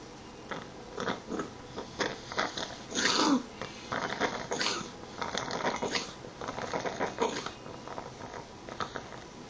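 A pet gives a run of short, harsh, hacking bursts in quick succession, a coughing fit.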